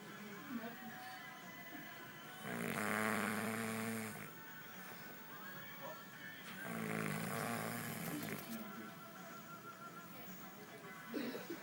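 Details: Sleeper caught snoring; two long, rattling snores about four seconds apart over a steady background hum; snoring.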